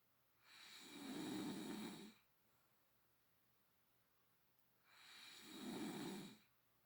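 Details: Adult woman (girlfriend) snoring, a new record about 20 dB louder than before: two long, low rattling breaths a few seconds apart in a quiet room; snoring.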